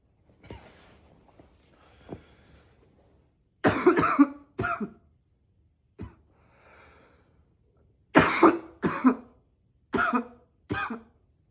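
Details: Acted roleplay of an unstoppable coughing spell: repeated harsh coughs in clusters, muffled into a pillow while trying to be quiet, then louder, still powerful, with faint pats on the back between coughs; coughing fit.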